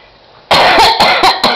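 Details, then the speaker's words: Dog coughing while being comforted at home: a run of four or five harsh, dry coughs close together. "ay que ay pobrecito qu to que tiene ese nene uh uh pobrecito que to ay chiquito ay la abuela tiene to"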